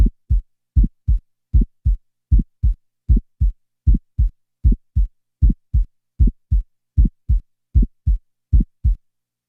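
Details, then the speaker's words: Heart sound taken from a patient through a stethoscope: regular rhythm about 77 per minute with a sharp early systolic ejection click just after the first sound; ejection click, before a systolic ejection murmur is added. "in the next example an ejection click will be introduced and then a systolic ejection murmur will be added"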